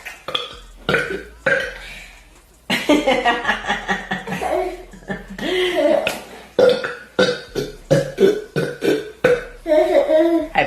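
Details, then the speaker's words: Woman at the dinner table, who says maybe she had too much, gives a long run of repeated loud, voiced belches, some prolonged, with brief pauses between them; burping. "okay you're the one who said to turn the camera on cuz I burped and I didn't say vomit on the freaking dinner table"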